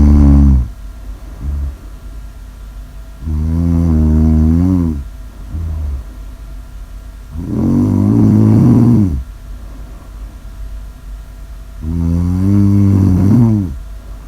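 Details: Heavy snoring: loud, rough, throaty snores on each in-breath, about 14 per minute, with quieter out-breaths between.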